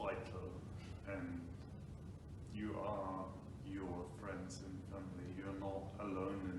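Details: Ataxic dysarthria in an adult man with Friedreich's ataxia, diagnosed about five years earlier; he reports slurred speech at times, difficulty pronouncing words, and pushing with chest and lung volume to speak.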